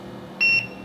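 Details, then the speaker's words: SeQual eQuinox portable oxygen concentrator switching from continuous flow at 2.0 L/min to pulse flow via the wavy-line button: a single short high-pitched electronic beep; the display shows P for pulse flow. "so this gives a p to indicate pulse flow"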